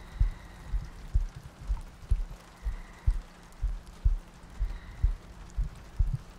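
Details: ASMR sleep-aid loop of a heartbeat with soft breathing and rain ambience: regular soft low thumps, about 62 a minute, over steady rain-like noise.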